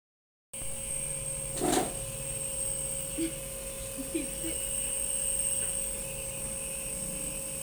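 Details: Nebulizer running with a steady mechanical buzz and constant hum, with faint voices in the room, given as steam treatment for a cough with phlegm.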